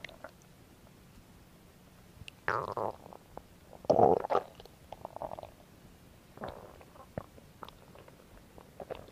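Soft gurgles and a few louder rumbling growls from the belly, ordinary stomach noises.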